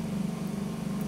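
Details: Microsuction of a woman's ear canal after ear surgery, with a continuous low rough roar and hissing rush as debris, possibly dry blood from the surgery, is cleared; no grommets are seen, and she thinks one fell out early.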